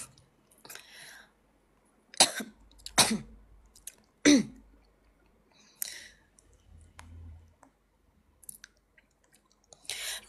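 Several short, sharp coughs and throat clears from an adult woman with a cold, in a quiet room.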